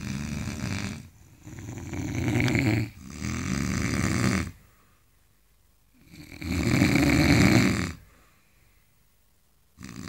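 Loud, rough snores, three long rattling breaths in about ten seconds, each followed by a quiet pause; heavy snoring.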